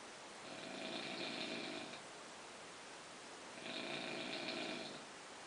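Two slow, rhythmic snores with a rough, fluttering buzz on each breath in, separated by quieter pauses; ordinary snoring.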